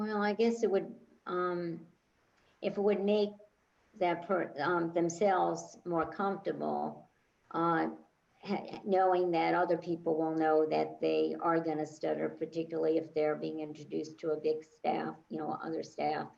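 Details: Adult woman speaking; normal fluent speech.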